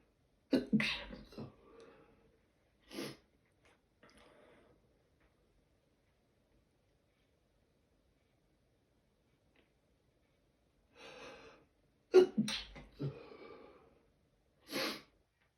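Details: Sneezing fit, possibly the start of a cold: several sharp sneezes with indrawn breaths, in two bursts separated by a long quiet gap.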